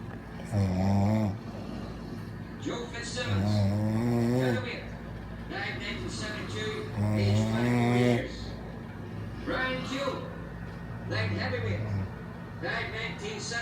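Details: Boyfriend snoring heavily while very tired: loud, rough, vibrating snores every three to four seconds, some breaths with a whistling tone.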